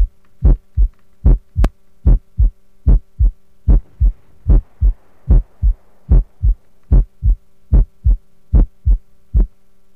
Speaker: This is exam room 1. The patient here is healthy. Listen to all 4 sounds.